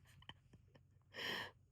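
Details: Cat sneezing repeatedly, at least four times in a row; the owner wondered about pollen allergy, but there were no more sneezes afterward: small sniffs and snorts, then one clear hissing sneeze.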